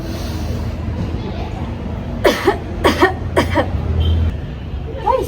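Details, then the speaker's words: Preoperative coughing exercise demonstrated before eye surgery, seated, after deep breathing: three or four deliberate, gentle, controlled coughs in a row to clear mucus from the lungs; voluntary cough. "Now for cooking exercise, take a deep breath. Then cough gently to remove mucus from your lung like this."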